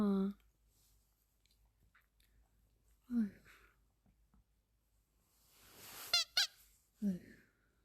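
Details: Maltese dog with remarkably loud snoring: short honking, squeaky snorts about every three to four seconds.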